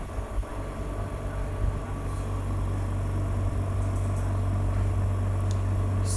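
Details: Steady low motor hum with a rapid regular pulsing from an imported double-bottle electric suction machine, switched on with its regulator turned up.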